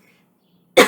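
A single short, harsh throat-clearing burst follows near silence, from an adult woman whose voice is failing.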